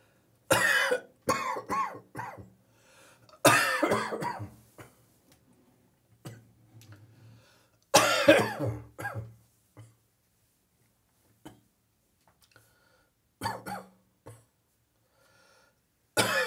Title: A little morning catarrh coughing